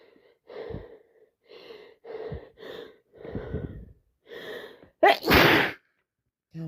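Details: Person with a common cold and blocked, red nose, barely able to breathe through it: a run of short nasal bursts with sniffles, ending in one loud, forceful sneeze; repeated sneezing.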